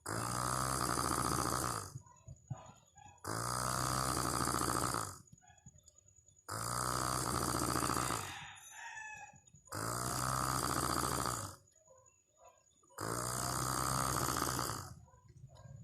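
Loud, harsh, rattling snores on each breath, roughly every three seconds, with quiet pauses between them. Heavy snoring during sleep.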